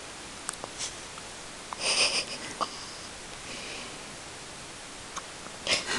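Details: Young daughter with tiny hiccups: faint, short catches and small squeaky breaths in a quiet room.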